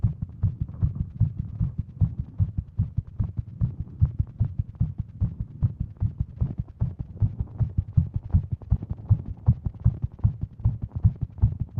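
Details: Female with WPW syndrome sitting at her desk on her phone: rapid, regular, pounding heartbeat at roughly 150 beats a minute, which her Apple Watch read as over 150; heart pounding all day; tachycardia.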